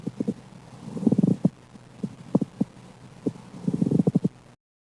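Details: Pediatric respiratory assessment teaching demonstration using a recorded example: creaking, leathery scratching in clusters with breathing, a friction rub from inflamed surfaces rubbing together.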